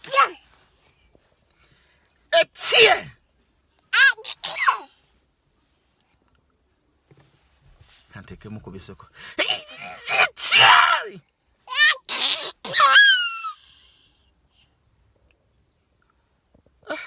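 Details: Father and son sneezing competition: several sharp, explosive sneezes from two people, some with a drawn-out wind-up, with brief laughter between them.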